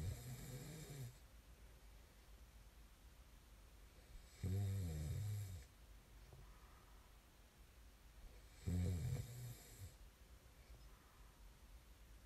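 Deep, rumbling snores on the in-breath, spaced with quiet pauses, about 14 breaths a minute, over faint room hiss; ordinary snoring.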